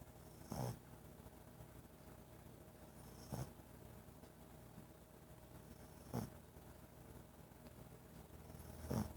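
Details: Sleeping dog snoring: short, low rattling bursts at a steady pace, about 21 a minute, over quiet room noise.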